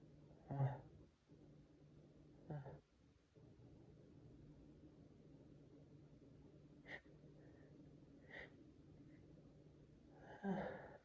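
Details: Several sneezes from an adult over steady room hum, some stifled or half-stifled and muffled, the last one fuller and unstifled; ordinary sneezing.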